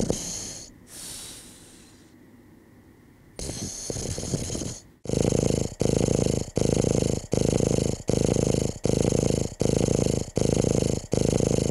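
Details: Breathy noise, then loud rattling snore-like bursts repeating evenly about twice a second, unusually fast and uniform: snoring.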